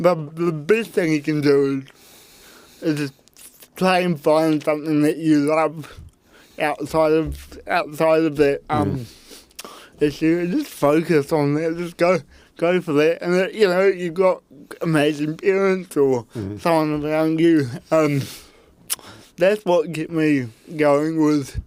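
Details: Dysarthria in a real adult man with cerebral palsy from birth; his parents were told at birth he would likely never walk or talk, and he had an intensive therapy programme in early childhood.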